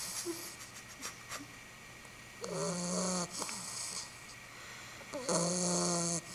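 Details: A young female pitbull puppy, asleep and worn out after a long day of playing, gives long, buzzy, tonal snores on inhaling, about twenty breaths a minute, with a faint hiss between: ordinary snoring.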